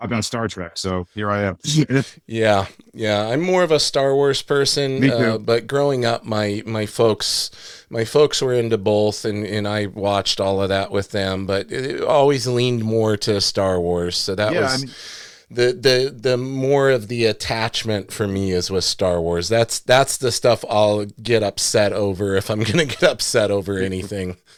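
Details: Adult male speaker; normal conversational speech.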